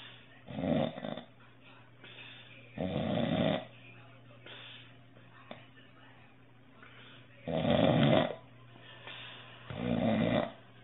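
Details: Someone who snores really loud, before or after trying Breathe Right nasal strips, recorded by phone: rough, fluttering snores on breathing in, every two to three seconds, with a steady low hum behind.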